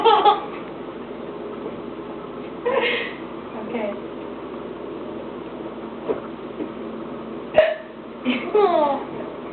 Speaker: Mommy has a hiccup.